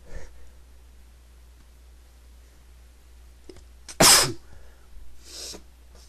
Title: Sneezing 3 (m)